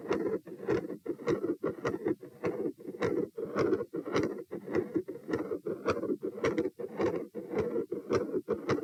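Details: Heart auscultation at position P during a stress test (rates 72-90-102-114-90 bpm while lying, sitting, standing, bobbing, standing, lying). Periods of continuous machinery murmur with high-pitched clicks.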